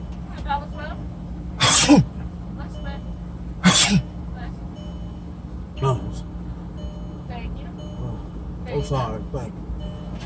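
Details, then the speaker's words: Two loud, forced sneeze bursts with talk around them, deliberately faked sneezes as a prank (pretending to sneeze on money), not true reflex sneezes. "I'm gonna sneeze on some money and see if they take it."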